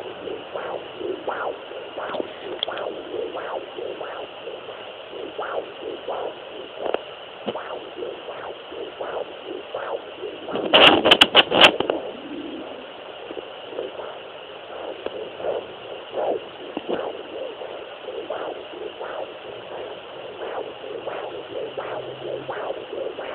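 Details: Fetal heartbeat on Doppler: fast, steady whooshing pulses picked up by a Doppler probe, with a steady hum behind.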